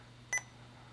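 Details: IV infusion pump keypad: one short high electronic beep over a low steady room hum while programming a norepinephrine drip of 4 mg in 250 mL during a hot-swap demonstration.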